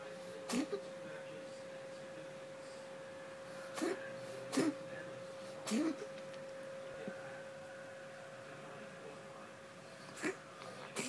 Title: Kitty wheezing